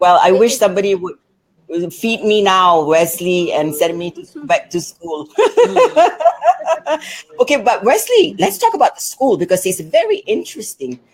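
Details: Adult woman speaking; typical speech.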